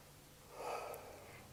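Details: Single soft breath swell heard anteriorly over the right middle lobe, around the fifth intercostal space, on a patient; normal breath sound with no wheeze or crackles.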